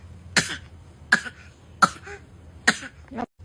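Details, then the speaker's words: Four short, dry, deliberate coughs from a baby aged up to 2 months, with a bit of laughter; a fake cough done to make parents laugh, not from illness. "So yun lang nakuha kong video para sa ubo na yan ang tawag diyan pero wala talaga sa libro yan parang fake cuff in kapampangan pagawa na namo so ang reason diyan is marunong m magpatawa si baby"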